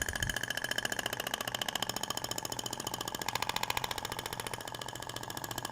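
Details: Rapid, regular mechanical clicking pulses at about 214 a minute with a steady buzz from an IBRAMED Thork radial shockwave device (max 200 mJ) swept over the abdomen, avoiding ribs and navel scar; 2000 shots over two passes.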